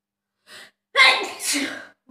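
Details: Quick breath in followed by one loud sneeze: a self-induced sneeze from a self-sneezing challenge of 30 sneezes.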